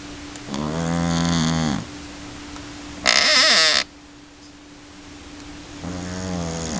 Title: dog snoring ( i love iky )